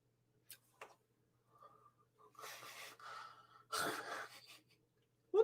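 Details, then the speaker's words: Adult's jaw popping from opening the mouth too quickly; two sharp loud clicks then breathy exhalations and a sigh-like sound; temporomandibular joint click. "did you hear that crack yeah that was my jaw oh you right I opened my mouth too quick like literally it was loud wasn't it"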